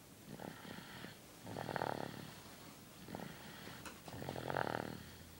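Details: Sleeping dog snoring: slow, rattling snores with each breath, about 20 a minute; ordinary snoring.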